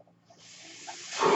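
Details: The speaker's own mechanical ventilator heard during speech: a soft airy hiss builds and grows louder over about a second as it delivers a breath.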